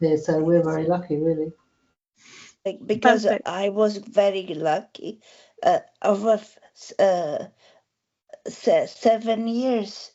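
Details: Woman with aphasia after a stroke eight years ago, helped by speech therapy exercises and home speech therapists; word-finding difficulty with word repetitions and substitutions; aphasia.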